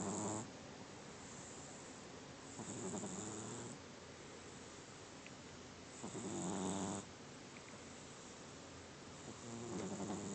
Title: Snoring cat with creepy eye